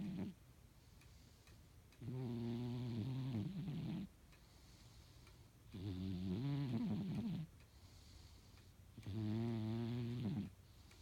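Regular buzzing, rattling snores on each breath, about 18 a minute, with quiet gaps between. Snoring.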